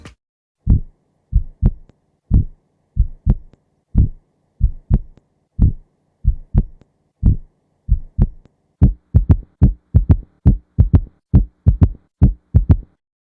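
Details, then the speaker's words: Simulated third heart sound (S3, ventricular gallop) from rapid ventricular filling: low-frequency extra early diastolic sound in a three-beat rhythm, best heard with stethoscope bell at the apex, played slow then real time. "The S3 heart sound is a low-frequency heard best with the bell of the stethoscope at the apex of the heart. It is heard in early diastole and is often referred to as a ventricular gallop."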